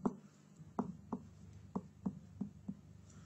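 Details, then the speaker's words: Abdominal examination demonstration: seven evenly spaced finger-tap percussion notes, starting well below the liver and mapping its lower edge by changes in the note, to estimate liver size. "Next, moving on to percussion. Firstly, trying to percuss out the liver, starting from well below,"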